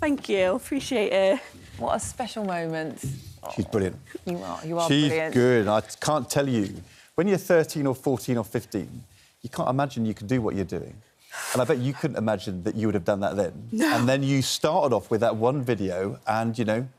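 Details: Adult male speaker; typical speech.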